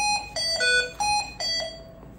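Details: Repeated bright electronic alarm tones in short bursts from a Hamilton T1 ventilator set up as a BiPAP on a test lung.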